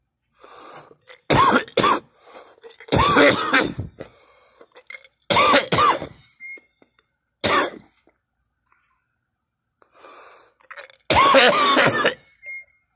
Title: me coughing and gagging